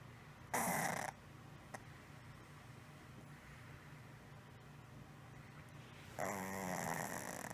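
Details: 6-year-old female cat with snoring-like breathing for 1 month, mostly at rest or asleep, at the top of inhalation, from the throat area, often mouth breathing, no improvement after 3 weeks of antibiotics; two loud rough snores: stertor.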